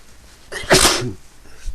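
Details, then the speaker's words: Person sneezing repeatedly, sneezing all day and unable to stop: a single loud, sharp sneeze with a brief intake before the burst. "I have to sneeze. Sneeze again. I can't. I've been sneezing all day. Can't stop."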